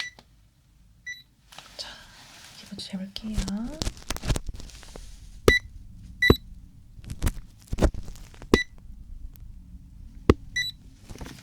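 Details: Simulated ASMR flu check-up role-play: several short, high beeps from a digital thermometer amid handling noises and soft taps in a quiet room during a temperature check; the temperature is reported as normal.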